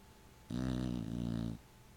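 A single deep, buzzing, rattling snore lasting about a second in a quiet room: snoring.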